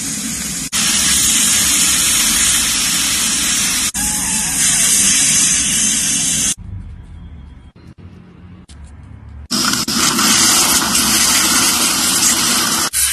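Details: Dental drill with water spray during tooth repair: a loud, steady hissing spray in long bursts, broken by a short quieter pause.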